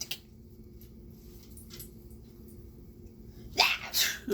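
Quiet room with a steady hum, then a sharp burst of noise near the end, likely a sneeze.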